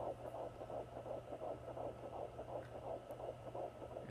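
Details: Home Doppler, first time hearing the baby's heartbeat: rapid, regular whooshing pulses, read at 140s to 150s and once 165, about 160 a minute, with the signal intermittently lost; fetal heartbeat.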